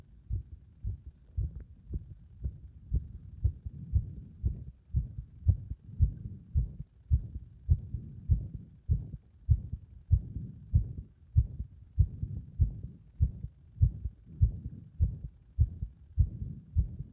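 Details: Heart under compression becoming unstable; low heartbeat thumps at about 100 a minute with uneven spacing: irregular heart rhythm.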